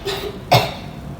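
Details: A single strong cough burst after a quiet breath, acted as an effective cough after counted one-two-three deep breaths to bring up phlegm, by a role-play patient in a nursing training video.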